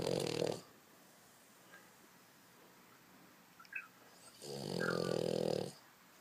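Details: Sleeping dog snoring loudly: loud, buzzing, drawn-out snores separated by a quiet pause of about four seconds; ordinary snoring.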